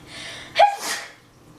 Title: Big sneeze compilation